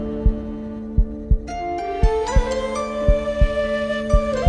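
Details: Simulated heartbeat sound effect: deep paired thumps roughly 57 a minute under epic orchestral music.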